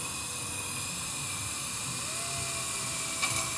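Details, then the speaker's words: Steady high-pitched whine of a dental drill making a pilot hole for a mini dental implant on a very thin ridge, guided between two fingers within the buccal and lingual plates. "I will then drill between my two fingers, staying inside the buccal lingual plate."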